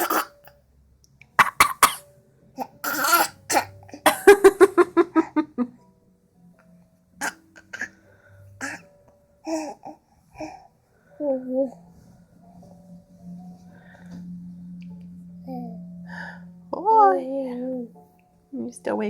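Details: Imitated, copycat coughing: a series of short playful coughs and throat-clearing sounds traded back and forth, with a little laughter and low room noise.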